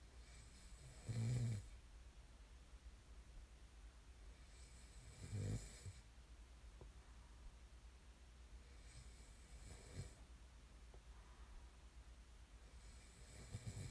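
Low, snorting snores about every four seconds, roughly 15 breaths a minute, over steady room hum; snoring during sleep.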